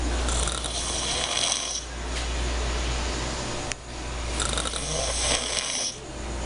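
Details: A man snoring: loud, rough, rattling breaths in long cycles of about two seconds; snoring.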